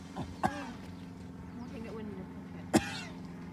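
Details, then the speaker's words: Two sharp, harsh coughs from a horse, separated by a couple of seconds, over a steady low hum; the cough does not sound healthy. "doesn't sound very good very healthy does not sound good at all"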